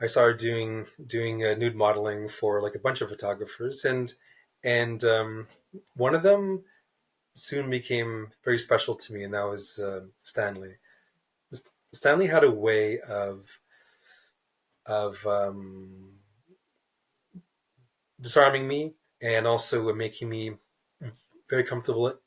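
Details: Stuttering in an adult male writer who describes himself as a person who stutters, speaking in a podcast interview.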